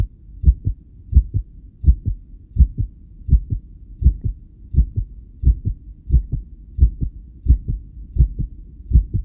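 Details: Adult's own heartbeat recorded with a self-made electric stethoscope while connected to a 10-lead ECG, during regulated breathing. Strong, low heart sounds near 83 a minute, mostly steady with uneven spacing. Tachycardia with extrasystoles and breathing-related rhythm changes.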